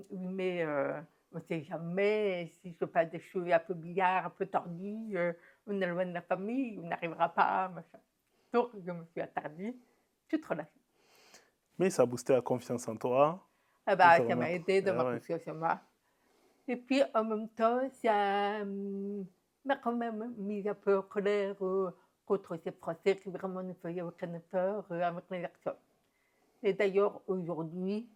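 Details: Adult woman, deaf since diagnosis at 9 months, who never heard her own voice and learned to speak through about 20 years of speech therapy, lip-reading and later sign language; deaf speech.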